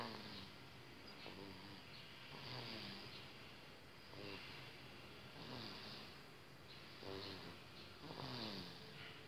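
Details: Infant snoring: soft rattling snores with each breath, about 20 breaths a minute.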